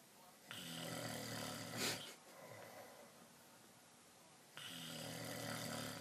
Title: Dad snoring xD